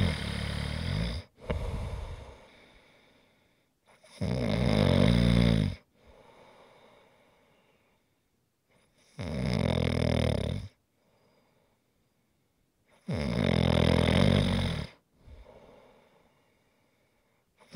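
Loud, rough snores on each breath in, with quieter breaths out between them, repeating about every four to five seconds. Typical snoring.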